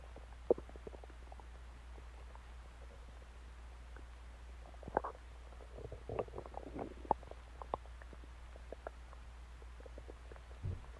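Scattered gurgles, squeaks and clicks over a low steady hum: ordinary bowel sounds, stomach growling.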